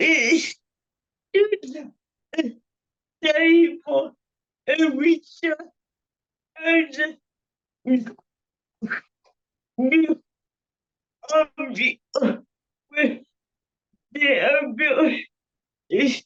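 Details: Adult man with cerebral palsy who describes his own speech disability; his words are revoiced by another speaker; dysarthria (cerebral palsy).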